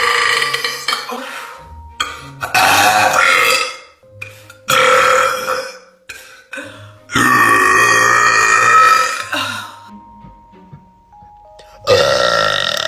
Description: Random Tiktok girls burping